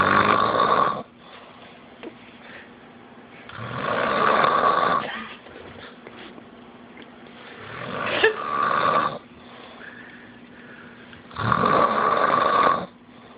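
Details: Person snoring in sleep, recorded on an Android phone: loud, regular rattling snores, about five a minute, with quieter breathing between them; ordinary snoring.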